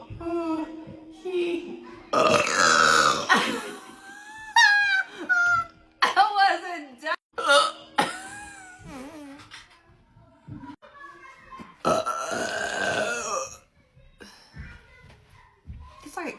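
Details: Burping after drinking cherry Coca-Cola Zero, with hiccups mentioned: several loud, drawn-out burps between laughter and talk in a small room; ordinary belching.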